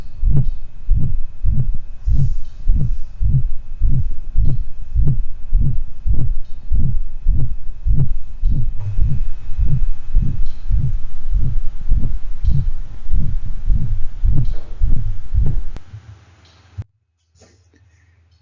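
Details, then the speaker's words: Dog with subaortic stenosis: rapid regular heartbeat about 100 a minute with harsh crescendo-decrescendo (diamond-shaped) systolic ejection murmur between beats. "finally we listen to a dog who has a ejection quality murmur as a result of subaortic stenosis"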